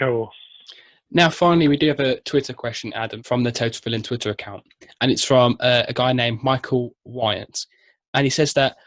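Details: Adult man; normal fluent speech.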